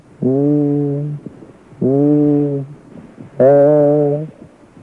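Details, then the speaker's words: Egophony teaching recording: the letter 'E' spoken and heard through the chest, first over the healthy side, then over an area of lung consolidation, then while moving across sides; the last sound turns brighter, nasal and bleating like 'A'. "now you will hear the letter e spoken over the area of consolidation now you will hear the sounds as the microphone is moved from one side to the other starting with the healthy side"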